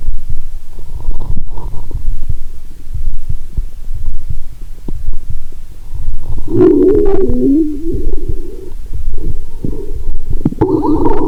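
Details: Lying down, stethoscope on a swollen belly after drinking cola and swallowing Mentos: steady low rumbling and throbbing, then loud gurgling runs; active bowel sounds.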